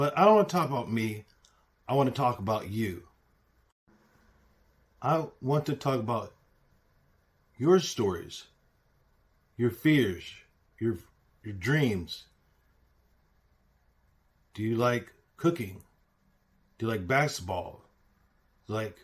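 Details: Aphasia in an adult man, self-reported.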